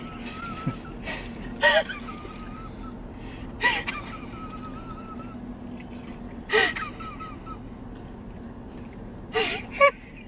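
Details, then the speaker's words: Mother (vlog including a prenatal appointment), in a car, wheezing during a laughing fit: repeated sharp gasping in-breaths with high squeaky wheeze between them; she says she has never made that noise before. "give her a minute this happens nothing's wrong baby I'm okay I've never made that noise before"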